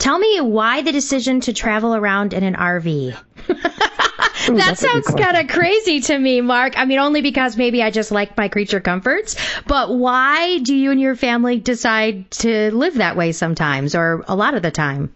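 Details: Adult woman speaking; normal speech.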